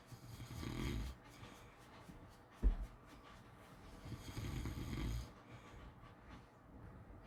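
Two soft, low rumbling snores about four seconds apart, with a brief knock between them: quiet snoring in sleep.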